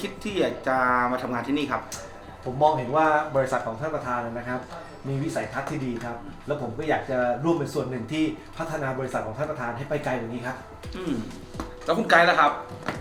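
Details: Adult male speaker, acted; fluent speech.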